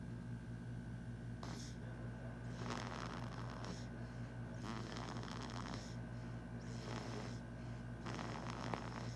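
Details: Regular snoring breaths, about four in nine seconds, each a soft rasping rush over a steady low hum; ordinary sleep snoring.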